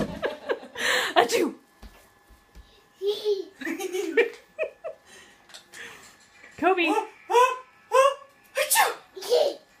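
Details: A child makes a series of playful, voiced fake sneezes mixed with giggles and chatter: imitated sneezing.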